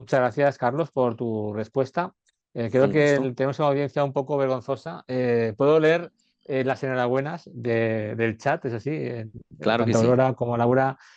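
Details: Adult male speaker; normal speech.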